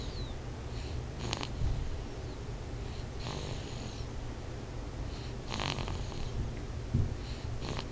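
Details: Loud, steady, raspy snoring from a sleeping child (presented as a letter to daddy), about four rough, noisy intakes over eight seconds against a low rumbling background; snoring.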